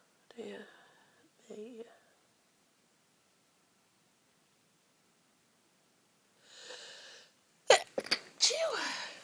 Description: lots more sneezes, all stifled or half stifled.......